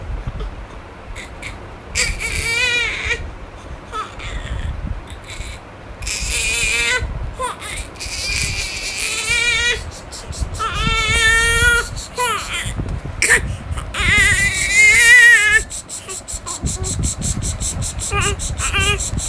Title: Yawning and crying baby 👶🏻🥱😫